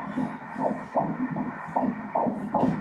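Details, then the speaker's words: Ultrasound at 13 weeks in a second pregnancy picks up a fast, regular whooshing fetal heartbeat at 147 beats per minute, stated as normal: fetal heartbeat. "Aquí está el corazón latiendo... ¿Dónde? Aquí... el bebé moviendo el corazón"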